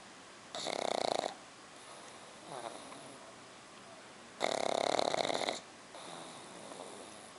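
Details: Black pug puppy sleeping on his back, snoring very loudly: harsh, raspy inhalations with a whistling edge alternating with softer snuffling exhalations; snoring in a flat-faced puppy.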